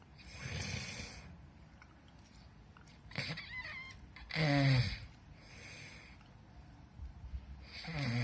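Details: Snoring in a quiet room: repeated low rumbling breaths with a rattling, fluttering quality and a few snorting catches, about every two seconds.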